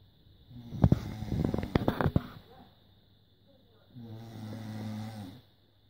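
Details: Person's snoring recorded on a smartphone while sleeping to check for snoring: a loud rattling snore with fluttering bursts, then a softer steady low-pitched snore.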